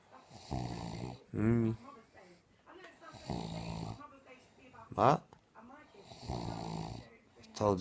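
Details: Sleeping woman who says she does not snore, snoring: rattling snores with each breath, about three cycles, with snorts and whistling nasal sounds between them.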